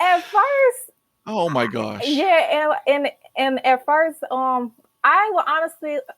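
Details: Stuttering in a young adult woman, a senior college student, who began speech therapy in college; stuttering.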